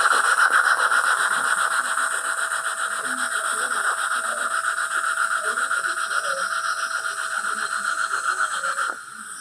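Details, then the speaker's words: Continuous high whining drill with rapid rasping pulses, then stopping, as the second pilot hole is drilled while six 2.0 x 13 mm mini dental implants are placed to stabilize a loose upper denture. "So, our first implant's in place. Now, we're going to go ahead and make our second pilot hole."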